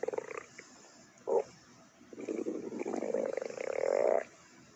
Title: Angry Juice Stomach Growling